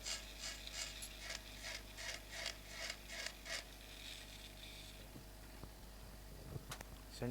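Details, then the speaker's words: Temporal bone dissection, drilling at the level of the vertical facial nerve segment down to the styloid through peripheral air cells, parallel to the nerve, to expose it. Rapid grinding, rattling bursts of an otologic drill over a steady low hum, then the drill stops. "So this is level of my facial nerve vertical segment and I will drill all this bone to expose it till the styloid for these are the peripheral air cells."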